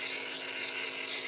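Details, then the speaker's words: Nebulizer compressor running for a patient with double pneumonia and MRSA who uses medicated nebulized air every 4 hours: continuous steady buzzing motor hum with hissing airflow. "And here I sit on a nebulizer, drinking in the sweet air every 4 hours. The medicated, nebulized air that costs $2,000 a month."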